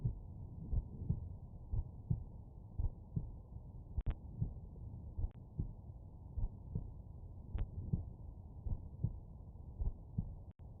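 Muffled, regular heartbeat thuds, about 70 beats a minute, under steady stethoscope rumble with a few handling clicks. Heart sounds over the mitral area.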